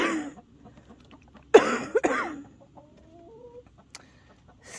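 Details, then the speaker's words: Two harsh coughs from an adult woman outdoors at night, with chickens clucking nearby. She says she has ongoing coughing and wheezing issues. "for the coughing and the wheezing I have some ongoing whatever issues"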